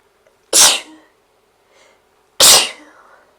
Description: I got up this morning and had to sneeze. I held it back to get my phone out to record it, and almost lost it.